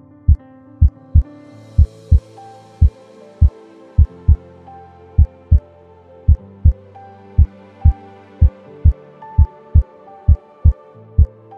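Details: Contactless radar recording of regular paired heart sounds at about 55 beats a minute, with music playing underneath; normal heart sounds.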